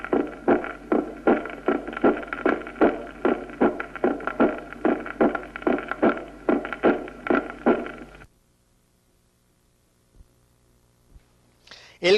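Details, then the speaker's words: Regular heart sounds with an accentuated second sound, a loud pulmonary component, as heard in pulmonary hypertension such as cor pulmonale or atrial septal defect with right ventricular dilation. "el componente pulmonar del segundo ruido está apagado En la estenosis pulmonar y está más intenso en la hipertensión pulmonar Como sucede en el cor pulmonal y en la comunicación interauricular por dilatación del ventrículo derecho escuchémoslo"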